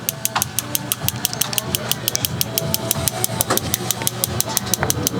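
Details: Shockwave therapy on a golfer who is starting running and has discomfort: rapid, sharp, regular clicking pulses, about three per second, over faint music, with energy lowered.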